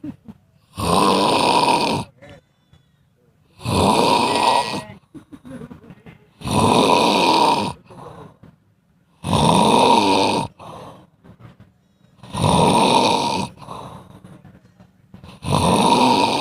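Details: Cat snoring: loud, regular snores about once every three seconds, roughly 21 a minute, with quiet pauses between.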